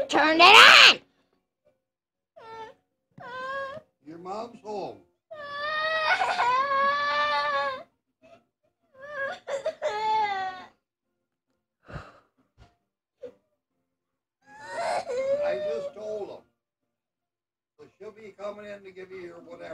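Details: Young girl with an ear infection crying from ear pain: wailing and moaning in broken bursts with pauses between them.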